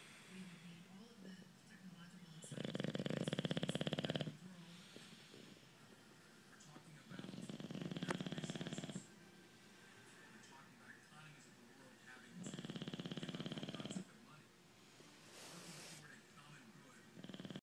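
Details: Male bulldog snoring: harsh, loud snores on each breath with softer snuffling between, about eight to ten a minute.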